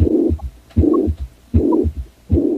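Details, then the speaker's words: Swishing murmur from left-sided valves (mitral and aortic) clogged by infective endocarditis vegetations impairing pumping; regular heartbeat near 78/min, each beat followed by a soft swish; heart murmur. "This impaired pumping can be heard in a weird little swishing heart sound that sounds a lot like this."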